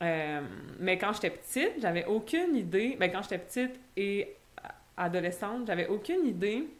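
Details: Adult French-speaking (Québec) woman who stutters, in conversational speech; real stuttering.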